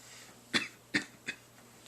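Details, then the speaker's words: 31-year-old man with Tourette syndrome whose tics began around age 9, mainly motor tics plus vocal tics. Three short, abrupt cough-like bursts in quick succession during an interview, a coughing vocal tic. "I have mostly physical, or I guess motor tics, but I do have vocal tics as well, the coughing and some other noises."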